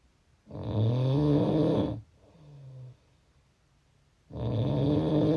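Loud, low, rattling snores on each breath in, with a softer breath out and a pause between; about two snores in five seconds.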